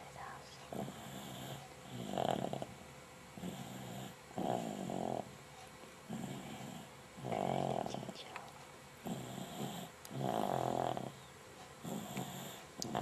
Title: 20071222 snoring